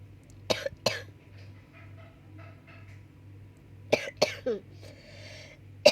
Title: coughing